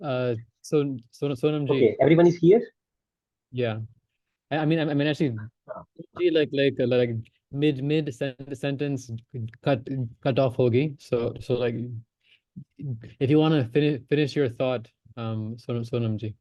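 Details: Stammering (stuttering) in a male participant in a stammering-association online practice group who says he stammers and practises voluntary stammering, with repetitions and fillers.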